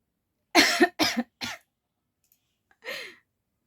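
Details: Voluntary coughing during a coughing challenge, not from illness: three short, sharp coughs in quick succession, then a single cough after a pause.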